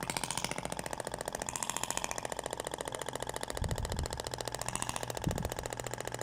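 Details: Radial shockwave training demo on the abdomen with a stainless steel tip, avoiding the umbilical scar: rapid regular mechanical tapping at about 214 pulses a minute, with a few thuds and faint room noise.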